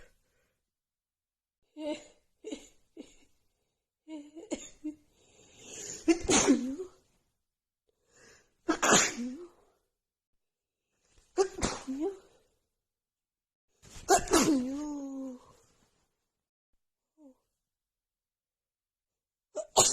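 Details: Woman with runny nose after an hour outside in snowy cold weather plus dust: repeated sneezes in a row, some preceded by catching breaths, with short pauses between; sneezing fit.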